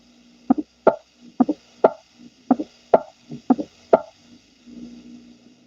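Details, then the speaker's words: Fourth heart sound (S4): slow heartbeat near 60 a minute with a soft extra sound just before S1, from active ventricular filling into a stiff ventricle, as in chronic hypertension, valve stenosis, or hypertrophic cardiomyopathy. "y éste suena ya que el ventrículo está muy rígido y al llegar la sangre no tiene un grado y triste debilidad esto puede producirse por una hipertensión arterial crónica estenosis de la válvula y miocardiopatía hipertrófica"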